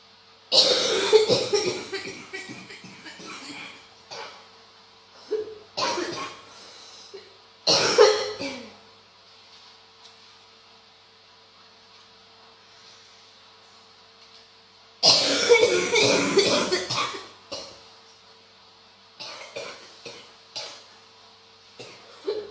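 Repeated harsh, deep coughing bouts in clusters, a persistent productive-sounding cough of bronchitis.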